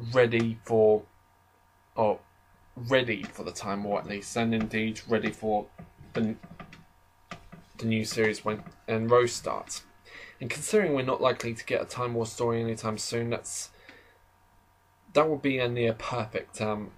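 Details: Adult man who describes himself as slightly stammering, heard in natural conversational speech with stuttering.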